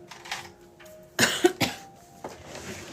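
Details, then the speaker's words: Two quick, sharp cough bursts from an adult, who says they have had this cough forever, in a small room with faint background music and light handling noise; cough. "Oh, Alex, I've had this cough forever."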